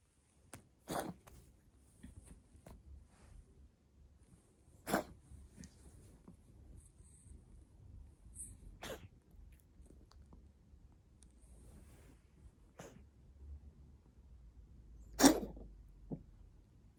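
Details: Several short, sharp explosive coughs from a cat in a quiet room, filmed for the vet; the cat has allergic asthma treated with medication for about two years.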